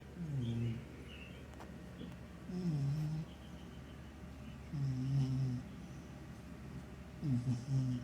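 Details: Sleeping, dreaming cat snoring with low, rumbling, throaty breaths about every two seconds, roughly 26 a minute, over steady room hum.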